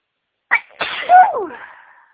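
A single sneeze with a quick catch of breath, then a drawn-out voiced release that fades; an ordinary sneeze.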